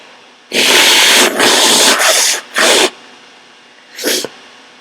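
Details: Sick person whose nose has tickled all day, trying to tease out sneezes; several loud, hissing sneeze bursts in quick succession then a shorter one: sneeze.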